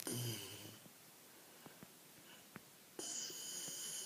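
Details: Labrador dog snoring during an afternoon nap: breathy, rasping snores against steady room noise, with quiet pauses between breaths.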